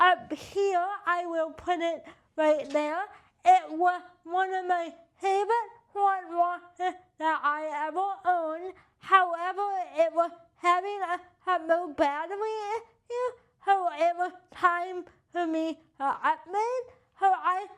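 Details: Adult with cerebral palsy and limited hand function: dysarthria (cerebral palsy).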